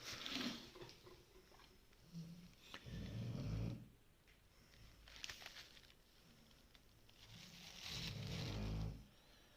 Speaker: 私の犬が後ろでいびきをかいている場合。